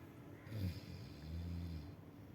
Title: Super Snoring